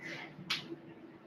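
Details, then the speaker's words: Adult's knee giving a single sharp crack while rocking back into child's pose during a warm-up, a harmless joint pop (knee crepitus). "you can hear my knees crack. And that's okay. Knee cracking is not a bad thing."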